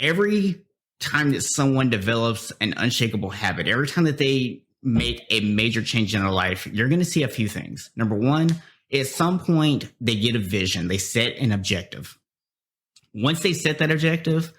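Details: Adult male speaker; normal speech.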